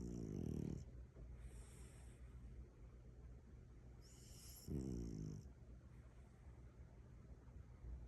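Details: A sleeping French bulldog, possibly a puppy, with its eyes open gives two low, rattling snore bursts about four seconds apart with quieter breathing between: snoring.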